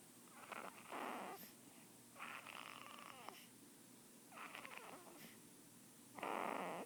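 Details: Newborn kitten snoring softly, with a rough, rattly noise on each breath during sleep; snoring.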